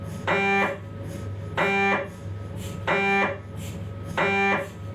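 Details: Regular buzzing tones about 46 per minute with steady hum between: Philips 1.5T MRI scanner noise during a lower-spine T2-weighted sequence.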